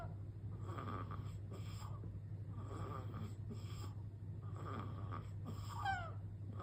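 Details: Sleeping newborn baby boy, 15 days old: quick, soft snuffling snores over a steady low hum, with a brief squeaky sound near the end, possibly sleep talking; snoring.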